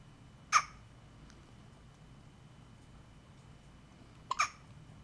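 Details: Two abrupt, squeaky catches of breath about four seconds apart over a quiet room; a child's hiccups at home.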